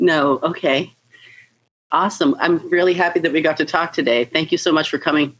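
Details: Adult speaker; Normal speech.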